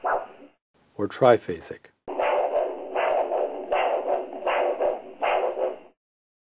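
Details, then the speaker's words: Ankle-brachial index measurement for peripheral arterial disease, with a cuff above the ankle and the Doppler probe over the dorsalis pedis artery: rhythmic whooshing pulses at about 80 a minute; arterial Doppler signal. "if no pulse is felt you should obtain an arterial doppler signal which can be monophasic"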